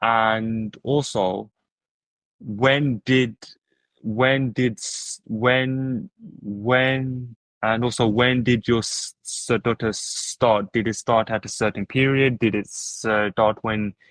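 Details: Adult male podcast host who stutters, with word repetitions; stuttering.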